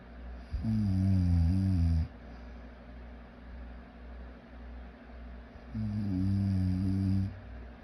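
Two loud, low, rattling snores on inhalation about five seconds apart, with quiet breathing between; ordinary snoring.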